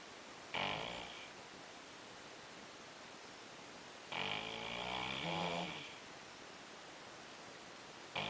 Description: more sleep apnea time 3am